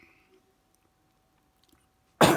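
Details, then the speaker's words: Cough from a speaker recovering from flu with a chest infection and a croaky voice: a near-silent room, then one sudden loud, harsh cough burst. "got a chest infection so um so I do apologize if I sound a bit croaky"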